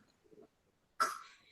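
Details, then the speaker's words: Infant learning baby-led solid feeding overstuffs her mouth; faint soft mouth sounds, then one sudden cough burst with a gag pushing food forward and out, breathing audible throughout: a normal protective gag and cough, not choking. "Cough and a gag. It pushes the food forward and then her tongue does the rest of the work to push it back out as she keeps exploring."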